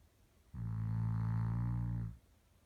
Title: Samson Snoring